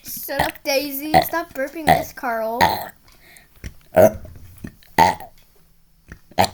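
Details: Repeated burping in a quiet room: several loud, drawn-out, voiced belches, some long and rising.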